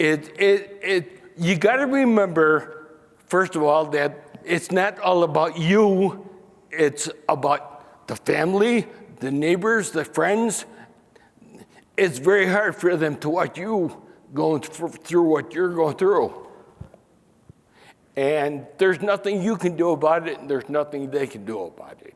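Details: Man diagnosed with spinocerebellar ataxia in 1995; stopped singing and DJ announcements because of mispronouncing names; speech here has hesitations and pauses. Finding: ataxic dysarthria.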